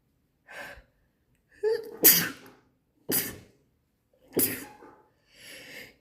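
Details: An allergy sneezing fit: a quick run of about three sharp sneezes, each after a short indrawn breath.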